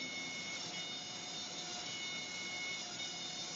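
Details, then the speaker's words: Dental dry mill cutting zirconia with fine burs at high speed, vacuum extracting debris: steady high-pitched whirring hiss with a faint whine. "and one of the problems only problem with the machine is that those birs break and as you get finer and finer birs these birs do and that's cutting through zonia so it's obviously very very strong very very fast"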